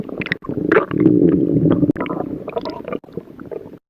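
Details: Stomach growling: loud, bubbly gurgles and a drawn-out growl with squishy bursts; borborygmi.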